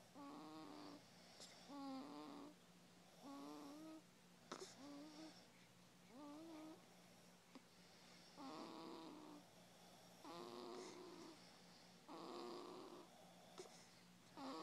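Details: Soft, squeaky whistling snores with each breath, steady and regular over a faint room hum: ordinary snoring in a sleeping pet.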